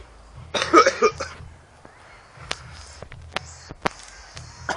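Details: A brief harsh, rough coughing burst, then faint clicks in a quiet room: coughing after inhaling spice (synthetic cannabinoid) smoke through a gas mask.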